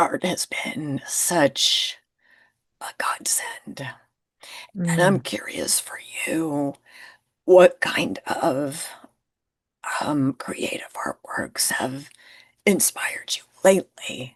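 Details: Woman who identifies with the spasmodic dysphonia community and reports difficulty being understood on phone calls; spasmodic dysphonia.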